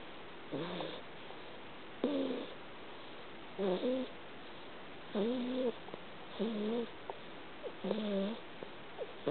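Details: A sleeping cat snores with regular tonal, squeaky snores about every one and a half seconds, roughly 40 breaths a minute.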